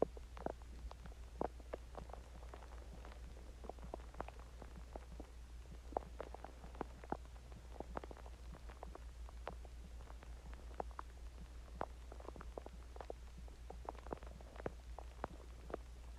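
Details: Quiet, rapid gurgles and pops from the belly over a steady low hum; stomach growling (borborygmi) after eating Chinese food and drinking water.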